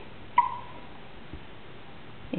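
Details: A quiet room with one sharp, squeaky hiccup from a 2-day-old newborn, and another starting at the very end: newborn hiccups.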